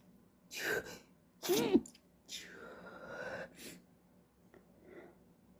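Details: Two forceful sneezes, each after a sharp in-breath, then a drawn-out sigh; the person reports being unable to stop sneezing.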